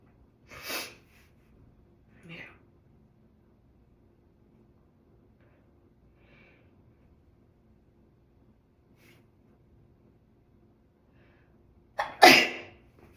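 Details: Sneezing: a small sneeze then a loud double sneeze, in a person who reports being stuffed up with a swollen-feeling face since being around a cat the day before.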